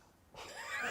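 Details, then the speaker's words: On request, an adult gives one short, high, squeaky fake hiccup in a quiet room; listeners say it sounded like a Chihuahua from a distance. "Could I just hear the sound of your hiccup please? >> It would be a fake hiccup but you can."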